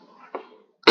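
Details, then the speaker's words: A person with a cough and cold (pilek) speaks faintly, then gives a single short, sharp cough burst. "Nah, ini guys. Maaf ya, agak batuk sama belek."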